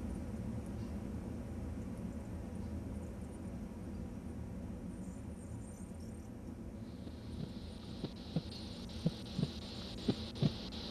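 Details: Manual blood pressure measurement: cuff pumped to 200 mmHg, then the valve is released slowly at 1–2 mmHg per second. Steady cuff hiss, then soft tapping Korotkoff sounds emerge, with the first marking systolic pressure.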